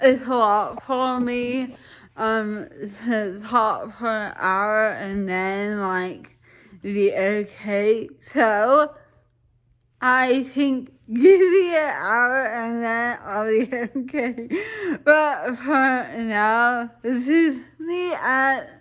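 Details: Woman with dysarthria, possibly seizure-related, recorded in the afternoon after lunch while documenting daily speech changes with practice, energy and mood. Finding: dysarthria.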